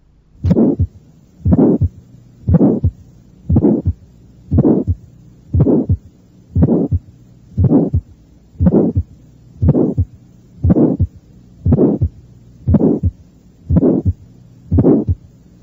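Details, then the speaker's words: Congenital aortic stenosis heard at the apex in a teaching recording: a regular heartbeat near 59 a minute with an early-systolic aortic ejection click and a relatively harsh systolic ejection murmur ending before S2. "un ruido o chasquido de expulsión aórtico y un soplo relativamente rudo que termina antes del segundo ruido el paciente tenía una estenosis aórtica congénita"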